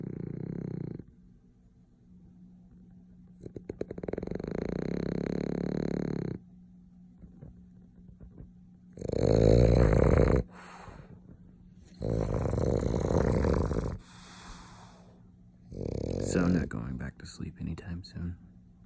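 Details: Loud, rough, rattling snores recurring about every three seconds, roughly 20 breaths a minute, over a steady background hum, from someone napping alongside: snoring.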